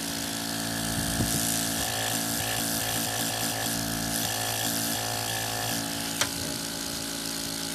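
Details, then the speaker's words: Steady, loud motor hum with buzzing drone and light rattling from an Apex electric nebulizer air pump, test-run after a repair fixed a no-airflow fault; now producing air normally. "t-test natin ano para makita niyo kung papaano yan tapos meron na siyang hangin"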